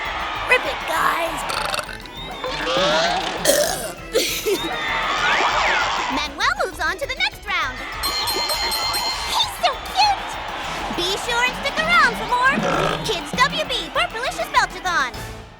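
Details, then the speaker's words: Loud, drawn-out belching over background music and crowd noise in a broadcast kids' burping contest. Burping. "I have been waiting for 3,000 years to let that one rip. The mummy wins."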